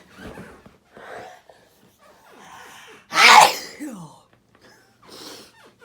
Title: Hayfever sneezing